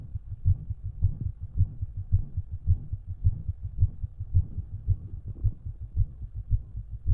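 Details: Own heart heard through a stethoscope, steady at about 110 per minute, with an extra soft sound in each cycle (possible S4, unconfirmed) and a faint murmur; the extra sound went away later that day.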